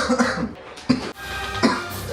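Two short, sharp adult coughs over faint background music and room noise.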